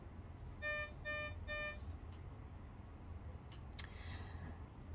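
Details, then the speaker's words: Hospital patient monitor on a girl with quadriplegic cerebral palsy and a seizure disorder, in hospital for cluster seizures. Three short electronic alarm beeps sound as her pulse rises above 150 per minute, signalling renewed seizure activity. "And now she's you hear the monitor beeping in the background. That's her pulse going up above 150 beats per minute again, and that means she's having seizure activity again."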